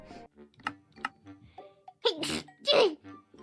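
A sharp, loud burst of breath with a quick intake before it, over soft background music and voice; an ordinary sneeze.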